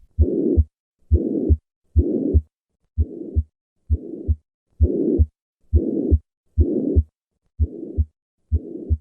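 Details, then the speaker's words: Pansystolic blowing murmur at about 65/min, regular heart sounds, increasing on inspiration with respiratory variation; tricuspid regurgitation from Ebstein's anomaly, malformed tricuspid valve displaced downwards into the right ventricle. "listen to a patient with tricuspid regurgitation this murmur is due to a malformed tricuspid valve which is displaced downwards into the right ventricle"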